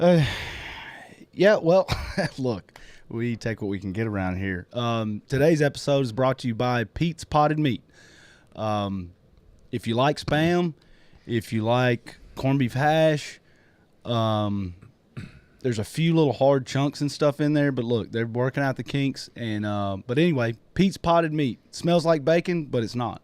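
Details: Adult male speaker; normal speech.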